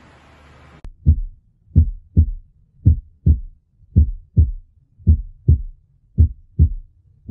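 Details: Normal heart sounds.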